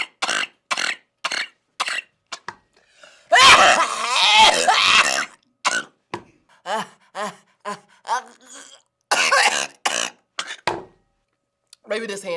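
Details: Coughing fit while eating spicy Buldak noodles: repeated short, forceful coughs in rapid runs, with a longer noisy, strained coughing and sputtering spell midway.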